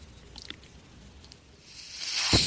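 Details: Podcast host's own mechanical ventilator heard in the background as he begins speaking and notes the noise is his ventilator; mechanical ventilator.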